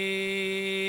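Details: Sustained phonation one month after office removal of a hemorrhagic vocal fold polyp with scissors and laser; a small skin tag remains on the left side and the area is slightly stiff.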